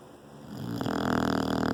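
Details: English bulldog sleeping in a lap: a single loud, buzzing, rattling breath builds over under two seconds; typical snoring from a short-nosed dog.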